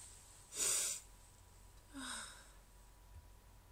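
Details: Morning sneezes that hurt the person's throat; a hissing burst of air followed by a softer breathy exhalation with faint voice, a muffled sneeze.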